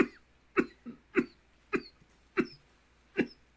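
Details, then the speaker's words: Adult coughs after taking a hot cannabis dab, a run of five sharp, harsh coughs about half a second apart with a softer catch between the first two: coughing fit. "I am taking a hot dab. Hot. So you guys can hear me cough. Because that's always what happens."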